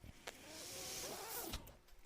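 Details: The podcast host's own mechanical ventilator, heard while he records his podcast: a soft mechanical whirring with a faint rising and falling hum; mechanical ventilator running sound.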